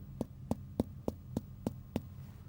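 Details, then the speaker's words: Seven evenly spaced, sharp hollow taps from finger percussion of the abdomen during an abdominal examination: normal resonant percussion note rather than dull. "I would expect all regions to be resonant like"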